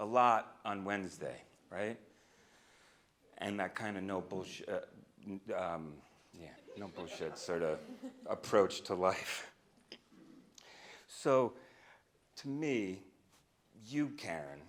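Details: Adult man who stutters, a speech-language pathologist and stuttering researcher, speaking live at a keynote; he says he used to stutter overtly much more; stuttering.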